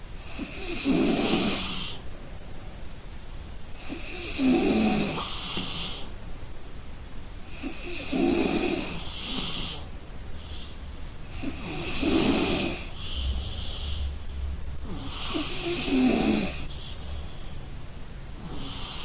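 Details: Exhausted person sleeping: loud, regular rattling snores on each breath, about 16 a minute, with quiet pauses between; ordinary sleep snoring.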